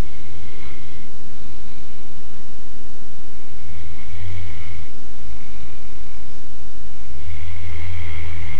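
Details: Sleeping dog snoring: low rumbling snores recur about every three to four seconds, with hiss between them.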